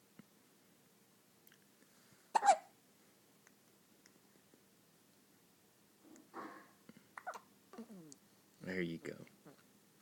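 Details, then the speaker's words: Male child with hiccups: a few sharp, sudden hiccup sounds in a quiet room, with soft vocal sounds between them. "do you have the hiccups? Just a little bit?"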